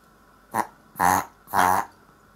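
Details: Chihuahua with heart disease and other conditions, having reverse sneezing several times daily since puppyhood; three quick, harsh snorting inhalations through the nose, described as a milder episode, in a reverse sneezing attack.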